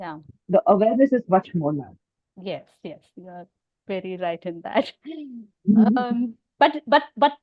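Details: Adult woman with overt stammering who also has hearing loss; stuttering.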